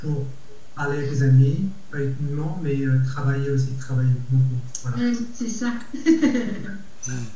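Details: Man aphasic after a stroke in July 2020, now able to say words but grammar remains difficult; Broca's aphasia with agrammatic speech.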